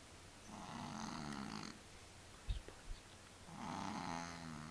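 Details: A sleeping cat makes two long, rattling snores on its in-breaths, with a quiet pause and small knocks between them: snoring.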